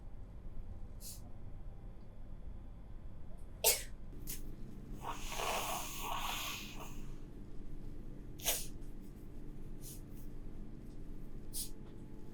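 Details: Single hissing, airy sneeze burst with a few faint sharp snorts around it, against quiet room noise.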